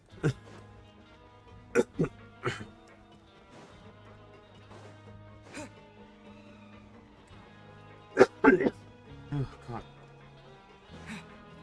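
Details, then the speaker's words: Adult man deliberately forcing dry coughs to clear a throat tickle during a game stream: several short, dry, forced coughs and throat clears over steady game music. "bad cuz it feels like I'm faking the cough but I'm I'm in a way I'm kind of I'm trying to force the cough to just like get it out so it sounds like I'm just kind of like forcing a cough like Faking It"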